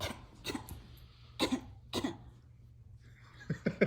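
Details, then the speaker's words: A few short, light cough-like bursts from a baby awake late at night, then small vocal sounds; a deliberate fake cough, not illness. "She's not. She's faking it. Catch your breath, catch your breath."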